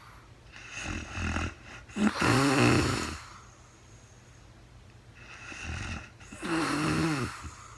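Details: Adult woman recorded in real time during overnight sleep after being very tired: two snoring breaths, each a softer inhaled part then a louder buzzing rattle, with faint room hum; snoring.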